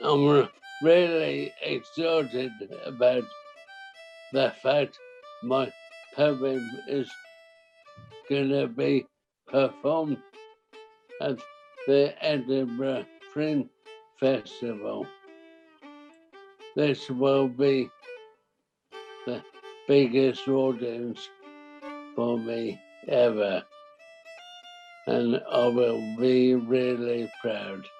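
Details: Dysarthria in a 63-year-old man with primary lateral sclerosis, a rare form of motor neuron disease, for about 5.5 years; he can no longer sing.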